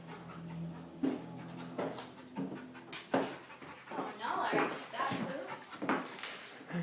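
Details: Dog panting after playing fetch: rapid, irregular noisy breathing with soft whines, a normal cooling response after exercise; she occasionally chokes on her tongue.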